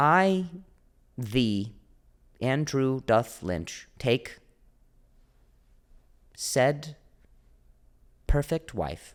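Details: Adult male comedian who stutters; stuttering with audible repetitions.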